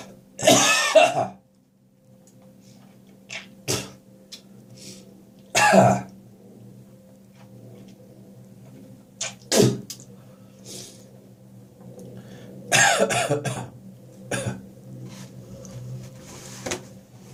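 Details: Adult's morning cough, possibly after too much beer the night before: several harsh coughs and throat-clearing bursts, with gagging, hacking and spitting sounds between them.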